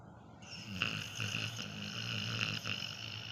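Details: Sleeping Labrador dog snoring: steady low rumbling snore with a faint whistling edge over a constant background hum.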